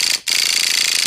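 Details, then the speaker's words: Motorized microneedling pen on a woman over 50's own face, depth lowered for rest of face, under eyes, skin held taut, painless: fast even mechanical buzzing with high whine, briefly interrupted. "now I'm going to bring the depth down to the rest of my face again and I goes up to 1.25 at these 1.50"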